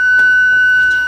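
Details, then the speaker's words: Steady high-pitched electronic tone: a second defibrillator charged to 200 J, ready to shock, during a simulated cardiac arrest with shock-refractory ventricular fibrillation treated by dual sequential defibrillation, run by a real ER team. "Okay. Second monitor charging to 200."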